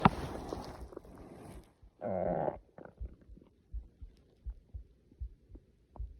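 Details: Stomach growling (borborygmi) from hunger on waking, before class: a drawn-out loud growl followed by a series of soft gurgling pops from an empty stomach.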